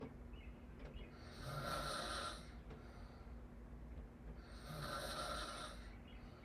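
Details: Soft, airy open-mouth snores, two rattling breaths at a slow, steady pace over room noise; snoring.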